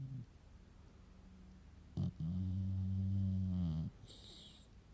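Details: Sleeping female beagle puppy snoring: a brief snort, then a loud, droning, humming snore.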